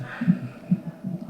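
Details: Soft rapid whooshing thumps from a fetal monitor, normal fetal heartbeat of a baby girl at a check-up about six weeks before due date; baby moving, all found fine.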